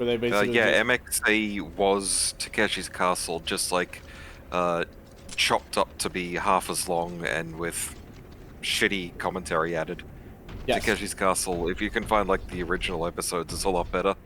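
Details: Adult male speaker; typical speech.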